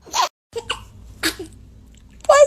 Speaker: oh cute baby sneeze oh bless you